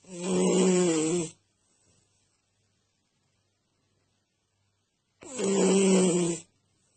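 Two loud, buzzing snores a little over a second long, separated by about four seconds of silence, roughly 12 breaths a minute.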